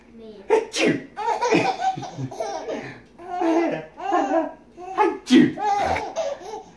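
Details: A baby's sneezes, sharp bursts each followed by the infant's hearty laughter in a small room; the baby finds sneezing hilarious.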